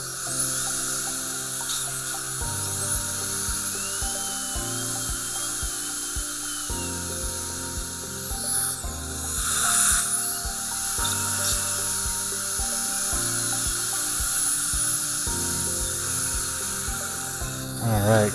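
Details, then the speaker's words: Dental drill with a skinny mosquito-tip diamond burr finishing and polishing class V composite restorations for gingival erosion on front teeth #8-9 at the gum line: high, steady whine over background music. "i'm just going to use a real skinny mosquito tip diamond burr there we go"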